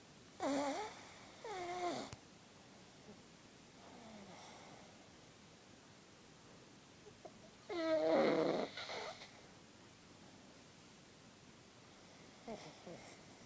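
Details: Purebred pug asleep: snorting, wheezy snores in uneven bursts with quiet pauses between them; snoring.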